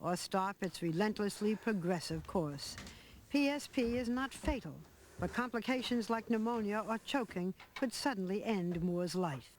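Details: Adult narrator; normal speech.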